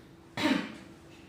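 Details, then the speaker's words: A nursing student trains a male patient in effective cough: after a deep breath he gives one forceful cough to clear phlegm, an acted training demonstration. "Tarik nafas panjang sambil dibatukkan"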